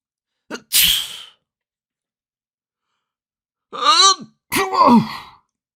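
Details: Compilation of sneezes from various people in different sneezing styles, with background music and laughter.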